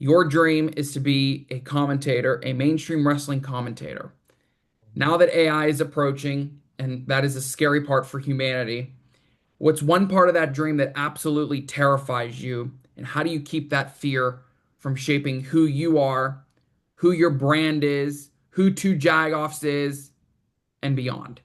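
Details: Adult man speaking; normal voice.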